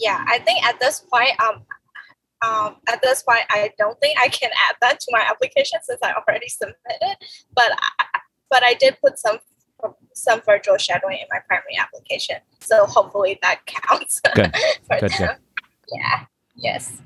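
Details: Adult woman with a stutter since childhood, which she describes as a disability; stuttering.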